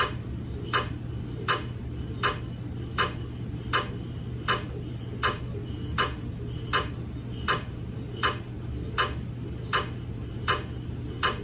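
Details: Gradient noise from a GE MRI scanner during a daily quality-assurance scan of a 150 mm head phantom in a head coil: regular sharp knocking about 80 a minute over a low steady hum.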